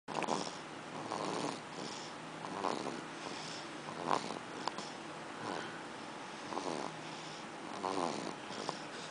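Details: A one-day-old baby snoozing in the hospital, with soft, rhythmic, raspy snoring breaths during sleep over light room noise.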